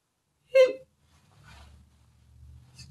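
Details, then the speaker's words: A loud, violent hiccup from an adult man who gets stubborn, long-lasting hiccups that shake his whole body: a single abrupt voiced hiccup, then quiet room noise. "No, when I get the hiccups they're loud! Everyone in the room knows it, and they're not only loud hiccups, they're they're violent. It shakes my whole body."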